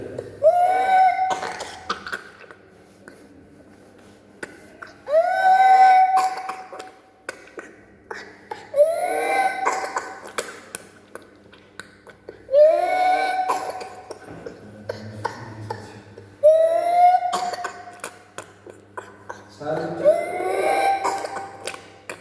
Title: Pertussis cough (qufaa qakkee)